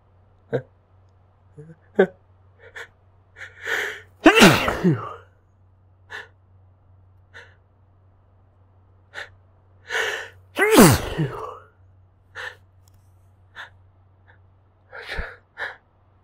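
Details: An adult tries to keep sneezes quiet: short catching gasps build up, then two loud, partly stifled sneezes, after failed buildups.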